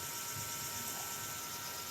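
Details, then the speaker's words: Lab demonstration of MRI-guided laser amygdalohippocampectomy (Visualase catheter placement for temporal lobe epilepsy): continuous high-pitched whining and grinding as a cranial twist drill bores through skull bone within a snug-fitting cannula. "I have a tendency initially using this to drop my hand and that will if the drill it's a very snug fit so you can actually fuse the drill within the the cannula and"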